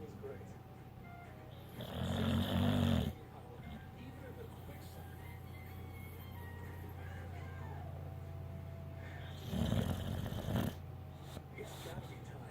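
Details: Snoring: two loud, low, rattling snores about eight seconds apart, with quiet breathing and faint background music between them.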